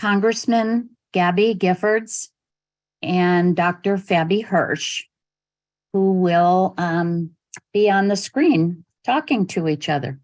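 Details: Adult woman speaking; normal speech.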